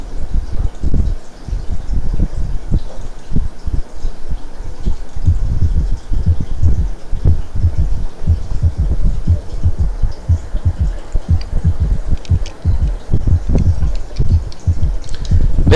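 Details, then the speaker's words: Third heart sound (S3, ventricular gallop) in early diastolic rapid filling as blood strikes a hypotonic left ventricular wall: low-pitched heart sounds with an extra soft thud just after S2, galloping rhythm. "al golpear la sangre que pasa de aurícula izquierda a ventrículo izquierdo y golpear de lleno contra una pared hipo tónica se escucha más o menos así"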